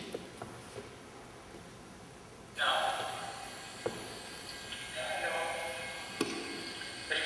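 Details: Adult man with Broca's aphasia and apraxia of speech; sound additions such as an extra schwa and distorted sounds, with computer hum in the recording.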